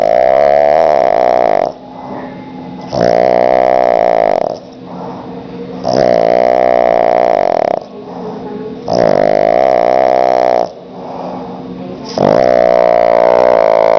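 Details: Pug napping in the afternoon on owner's lap: loud, regular rattling snores, about 16 breaths a minute, with a whistling buzzy tone on each breath; snoring.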